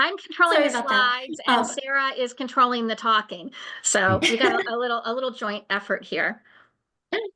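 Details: Adult woman; normal speech.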